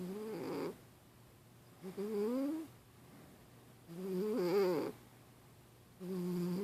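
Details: Cat Milo snoring while asleep and dreaming in REM sleep, with short, buzzy, slightly whistling snores at about 28 breaths a minute and quiet pauses between.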